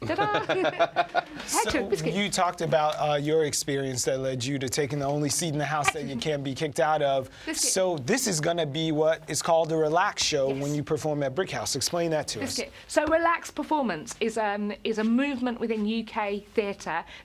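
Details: Adult speakers in an interview; ordinary conversational speech.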